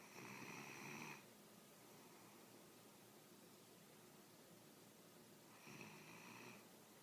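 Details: A sleeping French bulldog: two rattling snore breaths with a quiet pause between; ordinary snoring.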